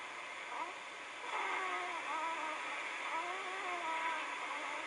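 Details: Great blue heron chicks at a Cornell nest, recorded 4 June 2013, making snoring sounds.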